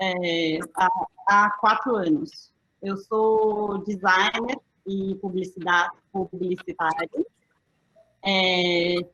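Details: Adult woman with aphasia after a stroke in December 2016, about three and a half years post-onset; still finds figurative language difficult and needs others to speak slowly: aphasia.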